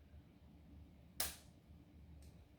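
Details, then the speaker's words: Lancet pen fired by thumb press on its orange-marked button for a finger-prick blood sample with a blood glucose monitoring kit: a single sharp spring snap in a quiet room. "and the way to actually take the sample is actually press on the button where you see the orange mark so i'm just going to use my thumb here"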